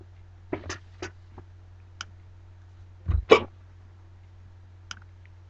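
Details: Short, sharp, jerky bursts at irregular intervals, about six in five seconds, over a steady low room hum; hiccups.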